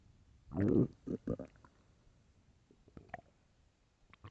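A loud low growl, then a few shorter gurgles and faint clicks, stomach growling.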